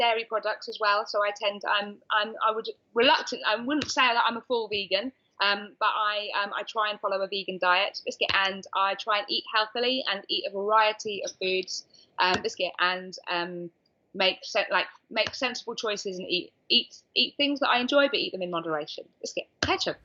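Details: Adult woman with Tourette syndrome, diagnosed at age 20; frequent involuntary vocal tics, such as repeated words like "biscuit" and "hedgehog", heard between speech; vocal tics (Tourette syndrome).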